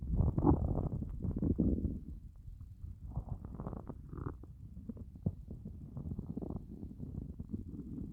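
Low, drawn-out gurgling and groaning with bubbly rumbles: hunger-related stomach growling, a normal bowel sound.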